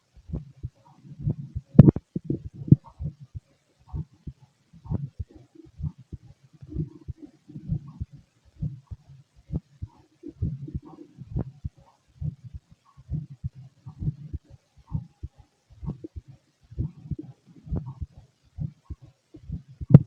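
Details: Fit adult male, normal heartbeat through a stethoscope during digestion: quiet, soft, low thumps in repeated pairs, about 60 beats per minute.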